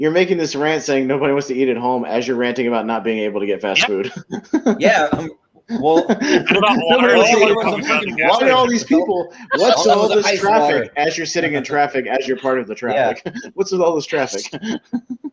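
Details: Adult male speaker; typical speech.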